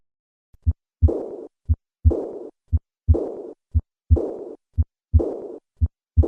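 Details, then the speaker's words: Severe aortic regurgitation: regular heartbeat near 58 per minute with a blowing diastolic decrescendo murmur fading right after each second sound, typically heard along the left sternal border. "Acute aortic regurgitation can occur as a result of trauma, endocarditis, or aortic dissection. Listen once again to the sound of severe aortic regurgitation."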